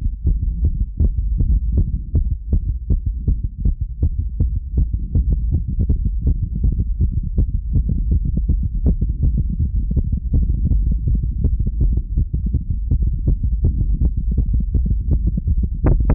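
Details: Rapid, steady, low thumping heartbeat over a constant low hum, recorded at rest, roughly 80 beats a minute or more; the person feels it is oddly fast for resting.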